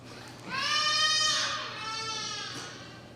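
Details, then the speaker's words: Baby crying in the audience during a Buddhist Dharma talk: a single drawn-out, high wailing cry, rising then fading, heard at a distance in a quiet hall. "I'm sure many of us are hearing the sound of the crying baby at this moment."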